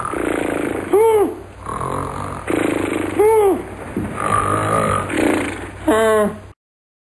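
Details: Loud snoring.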